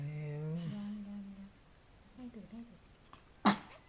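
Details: A 2-month-old baby's sneeze: after soft baby vocal sounds, one brief, sharp little sneeze near the end.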